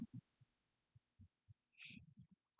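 Soft paired low thumps at roughly 72 beats a minute, with brief rustling from the stethoscope; normal heart sounds at the tricuspid area.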